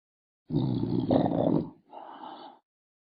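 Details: One loud, rough, rattling snore on the in-breath, then a softer snorting out-breath; a single noisy sleep breath; snoring.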